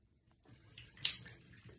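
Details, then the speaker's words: Older child/adult saline nasal rinse with a neti pot, head tipped: brief splash and trickle of water pouring through the nose, getting water around the bend to open the sinuses. "what you're really trying to do is get the water up and around the bend you get the most penetration and it really really does help open up the sinuses"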